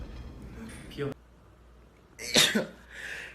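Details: Male singer sneezes: a sharp explosive burst after a quick intake, then a short voiced tail, with brief speech sounds beforehand; a single sneeze.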